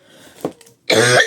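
A brief throat clear followed by a loud, harsh cough in an adult woman who is unwell.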